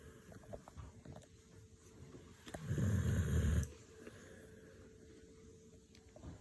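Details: Dog snoring: one rough, rumbling breath about a second long between quiet breaths.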